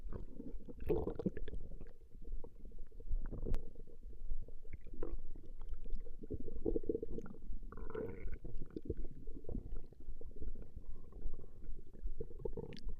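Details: Woman's stomach growling recorded over a long session: low, irregular gurgling and rumbling from the belly throughout; ordinary borborygmi from gas and fluid moving through the gut.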